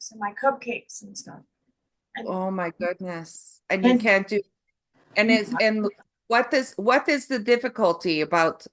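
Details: Woman with foreign accent syndrome after a stroke, preceded by aphasia with loss of numbers and sequencing; she reports ongoing difficulty getting words out and with time concepts.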